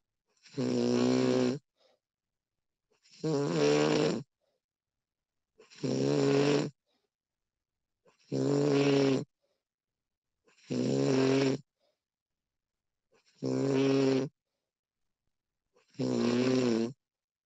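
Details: Recording of a woman snoring: regular voiced, groaning snores on each in-breath, about 23 per minute, with quiet pauses between; snoring.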